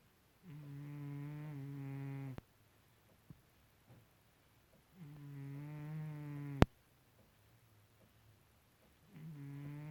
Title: My cat Ronnie snoring loudly